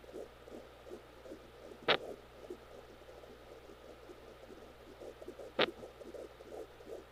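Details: Fast, steady whooshing fetal heartbeat over a low hum, broken by two sharp separate thumps, recorded on a home Doppler during labor in a twin pregnancy with girls: fetal hiccups.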